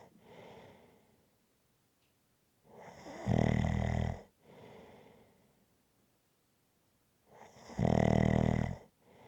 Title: Rhythmic Snoring Sounds ZZzzz